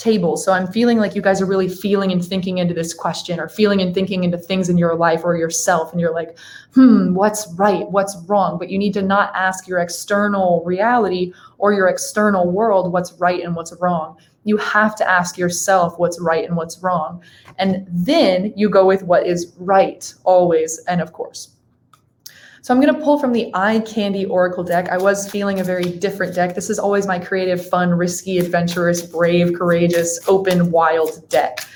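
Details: Adult woman; Typical speech.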